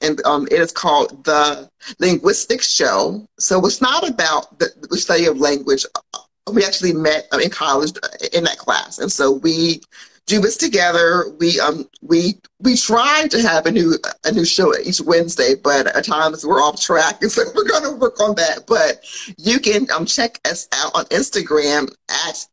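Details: Adult woman who stutters, speaking as a guest on an International Stuttering Awareness Day episode; stuttering.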